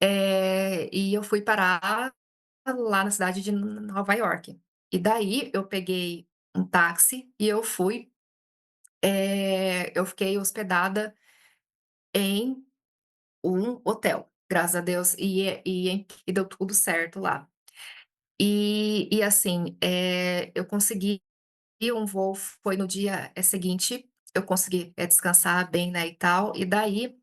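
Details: Adult Brazilian woman who stutters, speaking Portuguese and self-describing her stuttering as blocks; stuttering.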